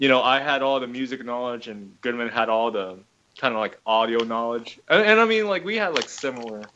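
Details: Adult male speaker; normal speech.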